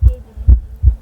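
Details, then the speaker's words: A person's heartbeat, picked up by a sensor when they put a hand inside an interactive light art installation and played aloud: deep, booming low thumps, about three in one second, as the light blinks in time. "নিশ্চয়ই আপনারা আওয়াজ পাচ্ছেন হার্টবিটের। কেউ একজন আমাদের যেখানে ভেতরে যে সেন্সর আছে সেই সেন্সরের ভেতরে হাত ঢুকিয়েছে আর সে তার হার্টবিটটাকে সেন্স করে লাইটটা ব্লিঙ্ক করছে।"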